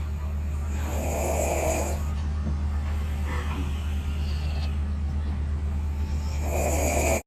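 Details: Two young women snoring after a night of drinking: rough, rumbling breathing over steady low engine-like noise, fitting loud snoring.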